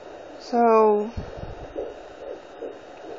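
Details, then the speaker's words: Fetal heartbeat heard with a home Doppler placed on the mother's abdomen: fast rhythmic whooshing pulses after a brief hummed voice. "so you guys are wondering what that sound is um that's the baby's heartbeat so i have a doppler that you put on your stomach"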